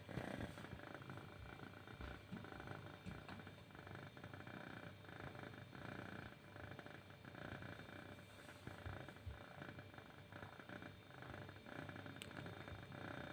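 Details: Awake cat, not sleeping, making loud snoring sound: continuous low rumbling, rattling breath noise, steady, with faint room noise.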